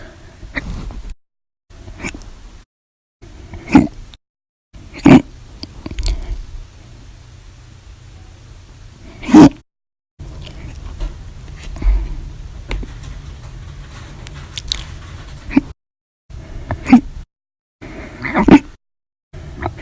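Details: Compilation of hiccups recorded 8/1/19 to 8/31/19, described as violent, loud or silent, audio only: repeated short, sharp hiccup sounds, some loud and abrupt, separated by pauses and cuts between recordings; hiccups.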